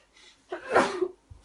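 A short intake of breath followed by a single sharp, voiced sneeze from an adult woman; an ordinary sneeze.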